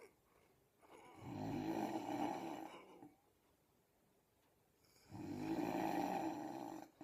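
Two long, rough, rattling snores about four seconds apart with quiet pauses between them, heard as snoring.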